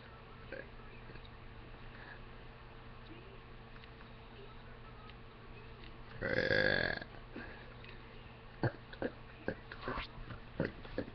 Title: More Hiccup Burps!!